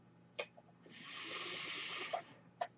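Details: Speaker's own real mechanical ventilator during podcast recording: a sharp click, a steady rushing air hiss lasting just over a second, then another click, one full breath cycle; mechanical ventilator sound.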